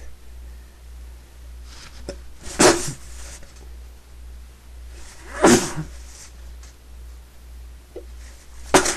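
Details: Person trying, unsuccessfully, to sneeze quietly; three stifled sneezes about three seconds apart in a quiet room, each a sharp burst of air over a steady low hum, followed by an exhale.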